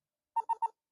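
Three quick electronic beeps, then a short hissing burst, from an epinephrine auto-injector trainer signalling the injection step is complete.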